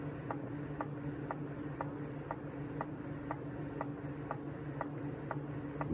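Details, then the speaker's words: Newly unboxed Medela electric breast pump, hooked up and being tested, possibly with suction on an arm: steady motor hum with regular suction pulses and clicks, about 120 a minute. "so this is what it looks like all hooked up he got it on the thing oh it's gone yep the inside room I mean you got to give her some suction too"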